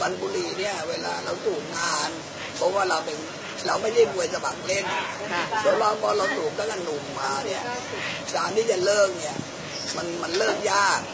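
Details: 68-year-old man who smoked from age 18 and developed laryngeal cancer; total laryngectomy about 18 years ago, now breathing through a neck stoma after relearning speech; alaryngeal speech after total laryngectomy.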